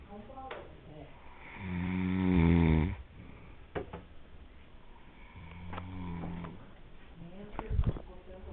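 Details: Uncle snoring at the beach in Canoas, PR; deep, rumbling snores with a fluttering rattle on the in-breath and quieter breaths between, in a small room; loud snoring.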